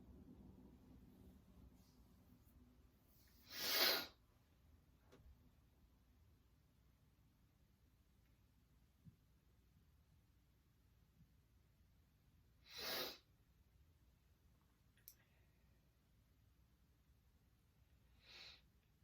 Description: Woke up feeling sneezy today from wildfires #sneezing